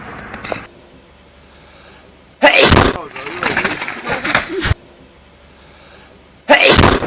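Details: A hedgehog sneezing (and reportedly farting at the same time): two short, sharp, explosive bursts a few seconds apart, with quiet rustling in between.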